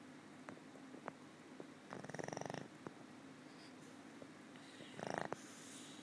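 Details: Old female pug that sleeps most of the time and snores habitually: two fluttering, rattling snoring breaths with faint background clicks; snoring.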